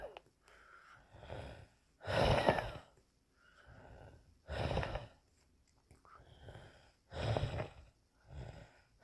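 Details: Noisy breathing with whistling, strained breaths repeating about every two seconds: wheezing.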